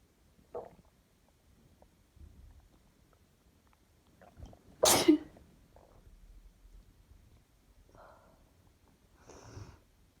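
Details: A sharp, forceful sneeze during a sneeze attack, among softer breaths, small sounds and belly noises in a quiet room.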